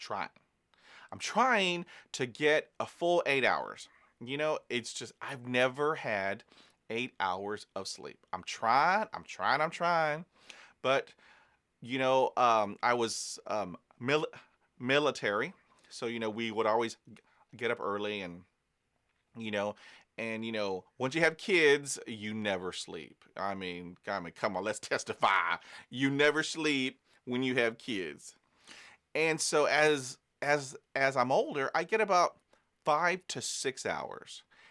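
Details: Stuttering with repetitions in an adult man who stutters; he says stress and exhaustion make his stuttering worse.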